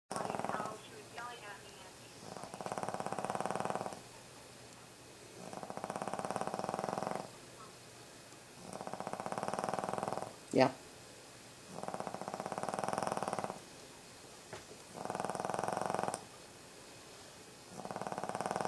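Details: Pet dog snoring, recorded 31 Oct 2012: steady, rhythmic, soft rasping snores, about eight separated by quiet gaps, roughly 26 a minute, with one brief click.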